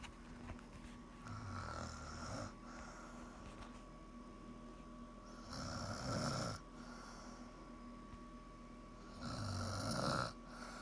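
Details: Woman's snoring recorded by her boyfriend after it woke him: loud, rough snores with each breath in, about three in ten seconds, over steady room hum; likened to a broken woodchipper.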